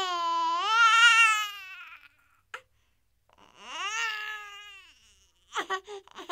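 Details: Light, short baby-crying sound effect: two drawn-out, rising and falling infant wails separated by brief catches and a pause, ending in short fussy bursts, an ordinary infant cry.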